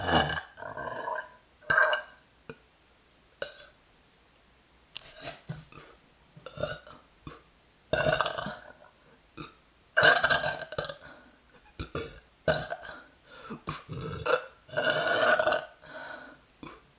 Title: Gurgle Burps